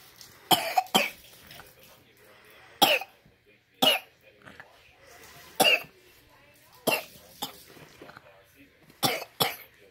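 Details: Child with RSV infection coughing: about eight short, harsh coughs, some in pairs, with quiet gaps between.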